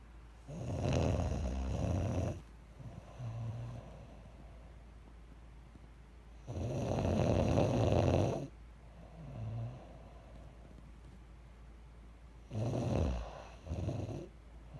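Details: Self-recorded snoring, labelled "30 weeks": loud, rough inhaled snores with softer exhalations, about 10 breaths a minute, over steady low room hum; snoring.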